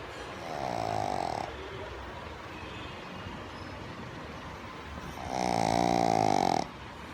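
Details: A pug in deep sleep gives two loud, buzzing, throaty snores on in-breaths, separated by quieter breathing: snoring.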